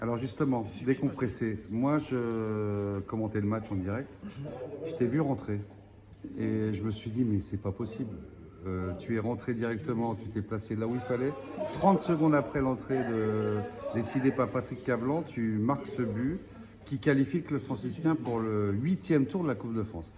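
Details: Adult male speaker; Normal speech.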